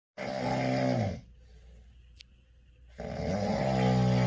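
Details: Sleeping male: two loud, rumbling snores with a quiet pause between them, in a small room; snoring.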